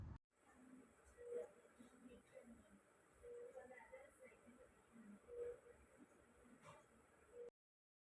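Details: Neonate with a laryngeal web: quiet breathing with brief high-pitched squeaky noises on several breaths, inspiratory stridor.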